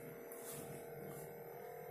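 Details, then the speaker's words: Digital home blood pressure monitor used on oneself, its cuff inflating and tightening around the arm during a reading that then showed an error: steady motor hum of the pump. "udah mulai kenceng kalau kalian kelihatan aduh makin kenceng"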